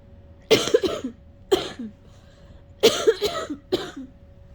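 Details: Person who has been sick for a long time, unable to stop coughing, trying but failing to cough anything up: two runs of wet, harsh coughs, four bursts in all.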